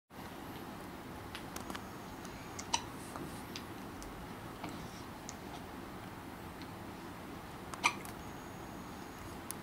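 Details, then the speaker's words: Newborn girl 36 hours 45 minutes old, just fed, eyes open: soft, abrupt little catches, two clearer ones several seconds apart over steady room hiss; ordinary newborn hiccups. "there's nothing to narrate she's got the hiccups she got her eyes open too"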